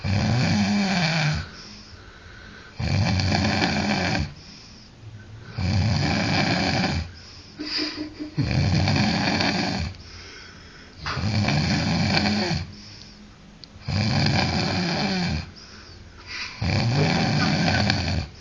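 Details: Loud snoring, nicknamed a 'snore roar': rough snores in a steady rhythm, about 22 a minute, with quieter exhalations between them.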